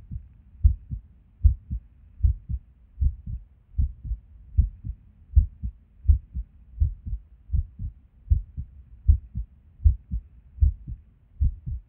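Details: Resting heartbeat recorded at Erb's point while sitting at a desk: close heartbeat about 78 a minute with uneven spacing; irregular rhythm with skipped beats.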